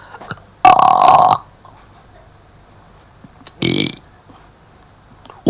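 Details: Clinician demonstration of esophageal voice as used after laryngectomy, sound produced by air in the esophagus rather than vocal folds; esophageal speech.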